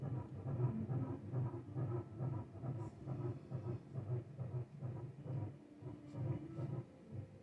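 Rapid, regular whooshing pulses of a fetal heartbeat on ultrasound Doppler, about 135 beats a minute, steady and within the normal range.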